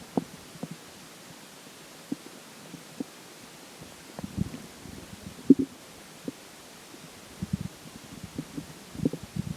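Soft irregular gurgles and pops over a steady low hiss. Ordinary stomach gurgling after drinking water.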